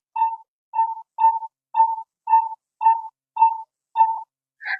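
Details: Nihon Kohden SVM-7601 vital signs monitor demonstration, finger SpO2 probe reading 98%: steady short beeps at about 100 per minute, each beep marking one pulse beat.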